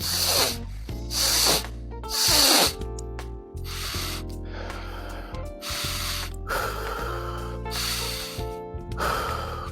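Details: Loud, forced sniffing breaths through the nose, repeated several times over background music, to show breathing again with a magnetic nasal band and nostril strips used for snoring; effortful nasal breathing.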